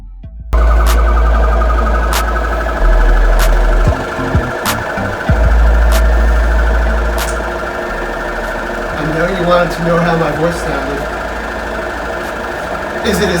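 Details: Cystic fibrosis patient's daily airway clearance vest: steady loud low rumbling, droning hum with faint music as the vest shakes the chest to loosen mucus.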